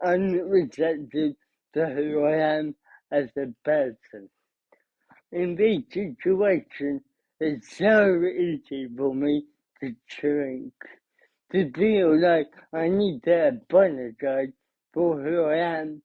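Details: Adult man, about 30, with cerebral palsy who describes himself as having a speech impediment; dysarthria (cerebral palsy).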